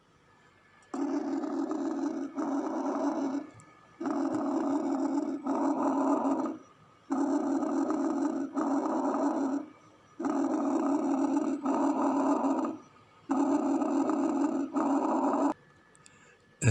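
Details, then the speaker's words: Normal bronchial breath sounds from a healthy lung through a stethoscope: loud, harsh, hollow sounds made by air through the trachea and bronchi, expiration longer than inspiration, about 20 breaths a minute. "وبالتالي هنا بيصدر بقى الصوت اللي احنا هنسمعه ده صوت طبيعي، بيبقى نتيجة خروج الهواء من الشعبتين والقصبة الهوائية، فبيستمع إليهم الطبيب، وبيبقى ده دلالة هذا الصوت على صحة إن الرئة بتبقى هيلثي."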